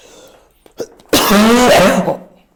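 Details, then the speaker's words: Adult male bodybuilder with cerebral palsy and hydrocephalus, coughing during an interview: a single abrupt, loud, throaty cough with a voiced, drawn-out rasp; he says it is phlegm. "It's phlegm, don't worry."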